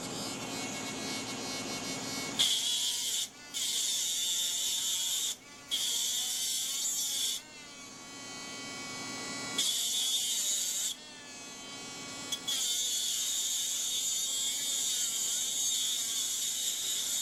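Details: Dental lab handpiece with an aluminum oxide separating disc cutting sprues off cast metal crown copings: a high-pitched whining buzz starting and stopping in bursts.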